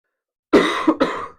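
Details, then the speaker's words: Three loud, harsh coughs in quick succession with a moist, rattly quality from an adult sick for about a week, during a livestream: a wet productive cough. "Every couple of minutes I'm gonna I'm gonna say please excuse the coughing. I'm still sick after a week."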